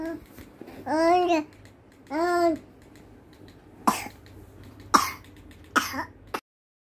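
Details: Infant (Tobi, baby) with ongoing cough, sunbathing outdoors after a poor night's sleep; two drawn-out infant vocal sounds then three short, sharp coughs; infant cough.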